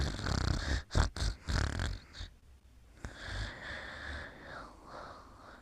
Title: Bedtime: Sleeping and Snoring Part 2